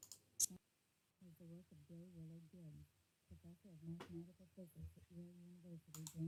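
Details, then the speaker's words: Faint, muffled, distant female voice reading aloud with only low tones left, words unintelligible; simulated severe-to-profound sensorineural hearing loss with unilateral deafness in one ear. "so I'm in the room next to the speaker struggling I really can't work out any words I can hear the voice it's very faint it's very distant"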